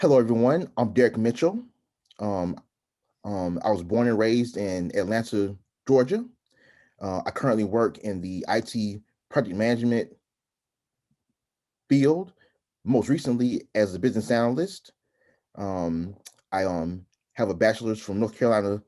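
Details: Adult man who has stuttered and who is active in stuttering advocacy, speaking in a real podcast interview; stuttering.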